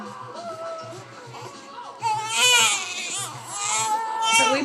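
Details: Baby girl being burped: soft fussing builds into loud, high-pitched infant crying in repeated bursts, with music and adult talk in the background; infant cry.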